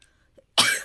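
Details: A single harsh, loud cough after brief quiet, from a person whose cough has not healed despite medication; wheezy for several days, exhausted, in cold winter weather.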